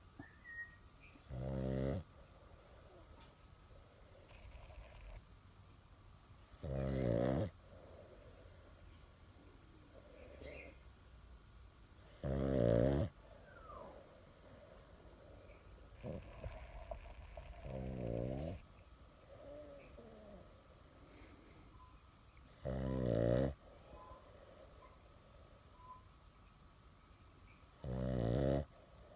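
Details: Adopted pet dog sleeping through the night, snoring in loud, rumbling bursts about every five seconds, roughly 11 per minute.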